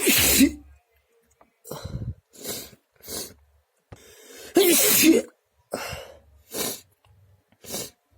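A rapid run of about eight explosive, wet-sounding sneezes in eight seconds, with short gaps between them; repeated sneezing fit.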